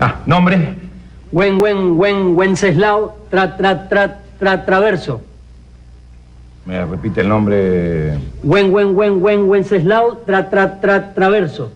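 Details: Character in a comedy sketch acting a stutterer while trying to say his name. Finding: stuttering (acted).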